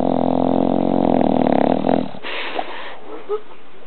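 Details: One long, rumbling, buzzy, human-like snore from a sleeping 1-year-old bulldog lying on the owner, fading into quiet breathing; snoring.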